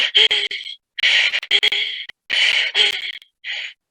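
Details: Inspiratory stridor (laryngospasm).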